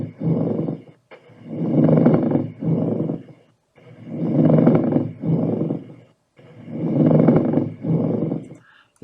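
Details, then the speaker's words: Coarse, grating creaking pleural friction rub heard in both inspiration and expiration, from inflamed pleural layers rubbing; described as a to-and-fro sound similar to rubbing two dry fingers together. "el frote pleural es un ruido del vaivén por el frotamiento de las pleuras que se encuentran despedidas en la pleura y puede ser por cualquier causa"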